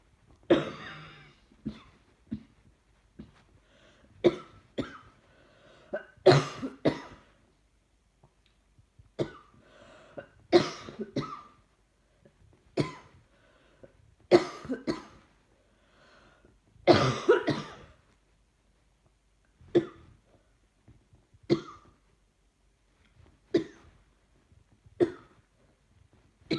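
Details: An adult coughs persistently over and over, in single bursts and short clusters, while trying to watch TV; the banging noise is a puppy wagging its tail on the sofa.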